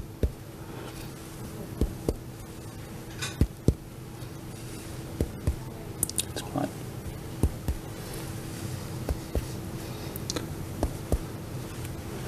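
Sharp finger taps in pairs and threes, about eighteen in all, in a quiet room; chest percussion comparing resonant and duller notes between areas.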